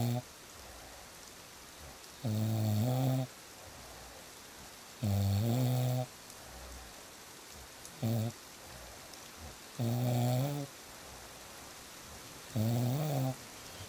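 Deep, rattling snores about once every three seconds, loud and regular, over steady rain noise; ordinary heavy snoring.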